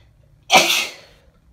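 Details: Woman with bad summer hay fever: a single sharp, hissing sneeze bursting out and fading over about half a second in a quiet room; sneeze.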